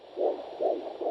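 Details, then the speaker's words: Handheld graphical-display fetal Doppler during intermittent auscultation in pregnancy: soft, rhythmic whooshing pulses of vessel blood flow, not fetal heart clicking; very slow flow indicates a maternal vessel; vascular flow sound. "a shoe fall I call it and it's vessels but if it is very slow that means it's a maternal vessel that's slow what also has a flow pattern"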